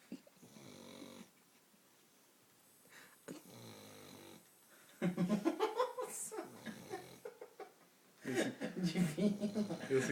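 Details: Sleeping puppy snoring with soft, rhythmic snoring breaths while people talk in the room; dog snoring during sleep.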